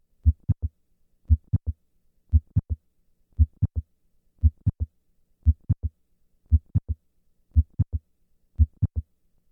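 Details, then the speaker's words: Simulated heartbeat near 58 a minute, murmur removed: S1 followed by a distinct mid-systolic click of mitral valve prolapse; S1–click interval 140 ms standing, lengthening to 200 ms on squatting. "I will start in the standing position where the interval between S1 and the click is 140 milliseconds and then move to a squatting position where this interval is 200 milliseconds"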